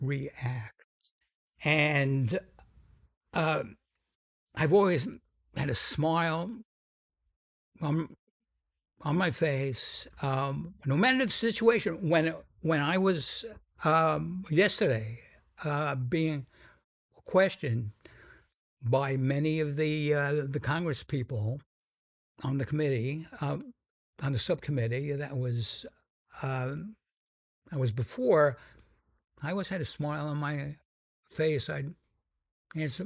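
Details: Stuttering in an adult man described as having a pretty strong stutter, more than almost any other guest; he says its severity varies.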